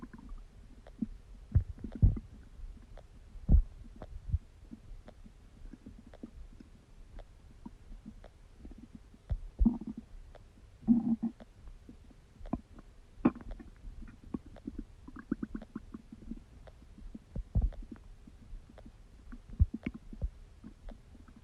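Irregular low gurgles, squelches and brief rumbles from the abdomen, ordinary bowel sounds of digestion.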